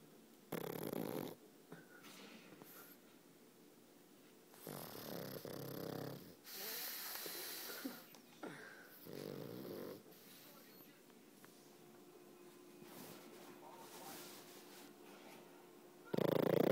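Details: Sleeping pug snoring very loudly: repeated snorting, rattly breaths with whistly, wheezy edges and irregular timing; snoring.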